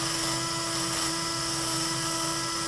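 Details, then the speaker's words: Powered K-wire drill with a steady high-pitched motor whine, spinning a FuseRight hammer toe implant stem while forceps steady the phalanx to avoid catching the middle phalanx. "so then again I'm gonna grab the Phalanx with the forceps to stabilize it while it spins and make sure that you're not catching any of the middle phalanx"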